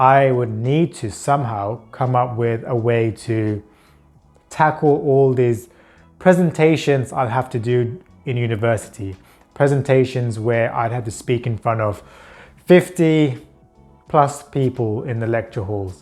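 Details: Adult man with a stutter (stammer) he describes as mild, who had speech therapy at around age 24-25; stuttering.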